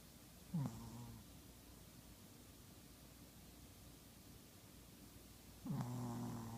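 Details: Two low, buzzing, slightly nasal snores about five seconds apart from a sleeping Chihuahua, with a quiet room between them.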